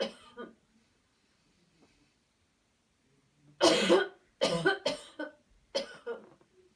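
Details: Voluntary cough in a guided cleansing coughing breathing exercise: after counted breathing and a deep inhalation, a series of about five forceful, deliberate coughs; person then says it hurts.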